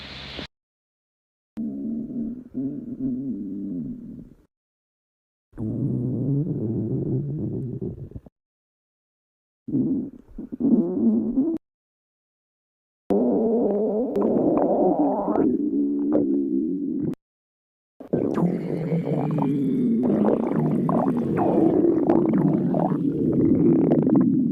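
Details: Cat's stomach giving low gurgling, rumbling bursts separated by brief quiet gaps; stomach growling (borborygmi).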